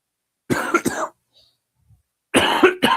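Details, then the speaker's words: Adult with a runny nose who feels very congested: two short, rough coughs, a pause, then a harsh throat clearing, fitting mild upper-airway congestion. "you can hear I feel very congested. Not a good feeling."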